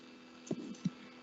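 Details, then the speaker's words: Harsh crescendo-decrescendo systolic murmur filling the gap between first and second heart sounds, slow rise to a peak then fading, in aortic stenosis; teaching recording. "Então ela faz essa coisa que crescente de cresce primeira geração lenta e depois máximo e volta reduzir então é um sopro crescendo crescendo que aparece durante na parece próximo 1 e já não sobre a estenose aórtica"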